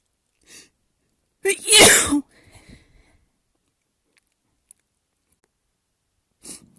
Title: Sneezing Fit with Buildups